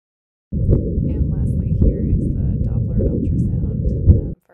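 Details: Doppler flow signal of the abdominal aorta, recorded during a self-scan with a Dr. Sono Tri-Scan portable wireless ultrasound: a low, whooshing, pulsatile signal with rhythmic surges, a normal aortic flow sound.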